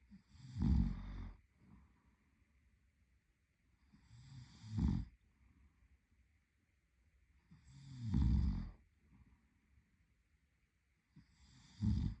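Deep rattling snores with each inhalation, about 17 breaths a minute, with quiet exhalations between them.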